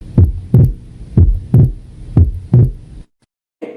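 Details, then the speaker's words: Teaching demonstration of physiological S2 splitting: regular lub-dub heart sounds near 60 a minute, second sound splitting on inspiration as increased right venous return delays pulmonary valve closure. "pero cuando nosotros respiramos o inhalamos, favorecemos el retorno venoso al corazón derecho, por lo que tarda más en cerrarse la válvula pulmonar, acentuando la diferencia del ruido de estas dos válvulas y se produce el desdoblamiento fisiológico de S2."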